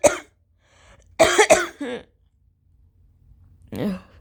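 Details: Person sneezing repeatedly since equine therapy at a ranch; suspected allergy, just started new prescribed allergy medication: 5–6 huge, powerful sharp explosive sneezes with voiced catches in a quiet room; allergic sneezing.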